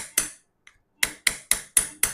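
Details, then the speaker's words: Sharp metallic mallet taps, six in about two seconds mostly at a steady pace, driving an awl into subchondral bone of the medial femoral condyle during arthroscopic microfracture at a live workshop, making equidistant holes to expose marrow. "So this hole exposes the subcondral marrow. So we'll have multiple holes like this at equidistant sides. Hammer please."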